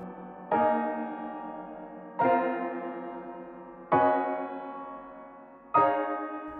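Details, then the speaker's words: Simulated diplacusis: four slow, ringing piano chords with detuned, clashing notes, played on a digital "Diplacusis Piano" built to reproduce the experience of diplacusis; the dissonance builds over time. "You can hear how the detuned notes clash with one another, [Addled Mystic] and how the dissonance builds upon itself over time."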